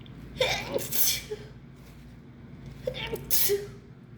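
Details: Person who thinks they caught the flu, with a lot of nasal discharge and sneezing fits of up to 15 in a row: two forceful sneezes, each preceded by a sharp inward gasp, a few seconds apart.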